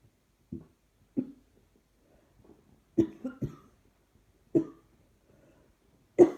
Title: Trying not to cough seems to make it happen more. Coughing & more coughing